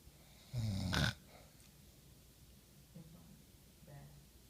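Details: Snoring from a person who fell asleep while watching a movie: one loud, rough snorting breath, then two faint, softer snoring breaths in a quiet room.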